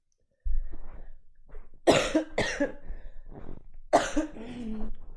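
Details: Several harsh coughs in short bursts with voiced throat sounds, in a quiet room, from a streamer who is sick with a sore throat; cough.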